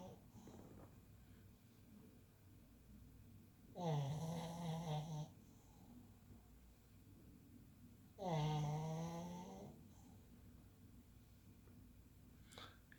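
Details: Snoring in a sleeper: two long, loud, vibrating snores about four seconds apart, with quiet breathing between them.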